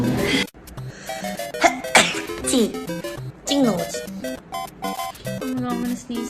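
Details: Sharp, explosive sneezes, most likely from adults, stand out over loud background music.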